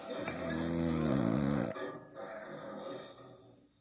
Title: Snoring pitbull